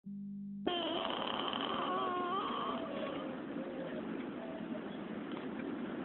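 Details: Sleeping child snoring: rough, fluttering breath noise with a faint whistly tone early on, over steady room hiss; recorded on an Android phone.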